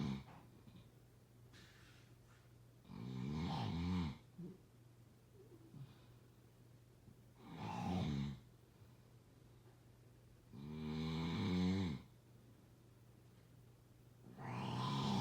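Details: Rattling, rumbling snores on the in-breath, about four in fifteen seconds with quiet pauses between; ordinary sleep snoring.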